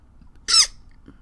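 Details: Hiccup.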